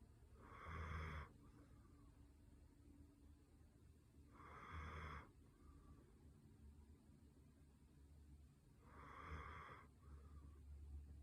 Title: One minute of snoring to help you sleep…